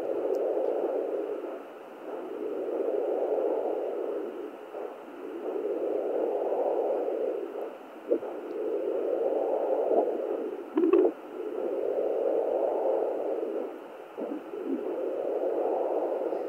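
Rhythmic wind-like whooshing waves on fetal doppler, a normal placental sound rather than the baby's heartbeat.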